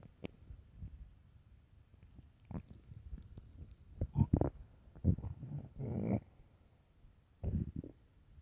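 Quiet low rumbles and gurgles in a few separate bursts over faint room noise; ordinary stomach growling on an empty stomach.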